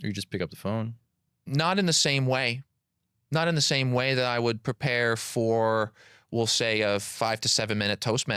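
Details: Adult man who has stuttered since childhood; audible repetitions of words and phrases, consistent with stuttering.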